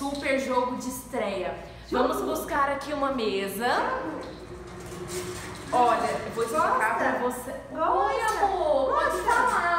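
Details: Adult woman speaking Portuguese; normal speech.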